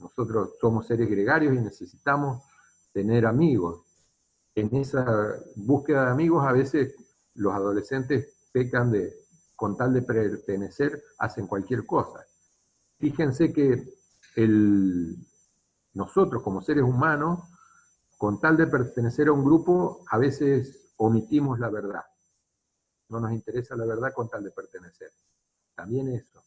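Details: Adult male speaker; ordinary speech.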